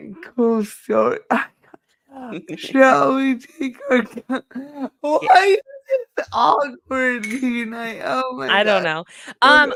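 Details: Dysarthria in a woman who states it is caused by her cerebral palsy and that nothing can be done about it.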